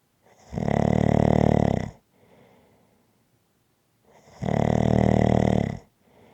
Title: Snoring Sounds to Relax to after a hard day.